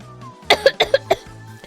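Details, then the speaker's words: Adult coughing: a quick run of about five short, harsh coughs with soft music behind. The person blames coffee and mentions a past fever, having doubted a negative COVID test. "I'm sorry I cough so bad now I can't believe I sound like like I'm dying and it's like no no it's just coffee"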